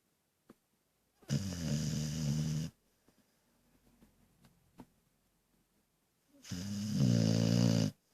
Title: Snoring dog